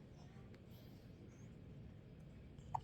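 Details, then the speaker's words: Quiet room, then a single short, sharp hiccup near the end from an infant, which began after laughing at a parent talking through sealed lips; a harmless reflex. "that's really funny to you isn't it that's really funny I gave you the hiccups we got pickups now"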